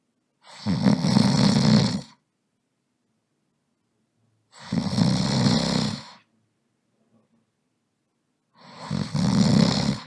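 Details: Sound effect of a snoring man: three long, low rattling snores about four seconds apart, roughly 15 a minute, with silence between; snoring.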